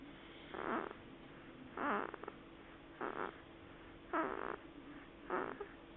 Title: Snoring in Daddy's Lap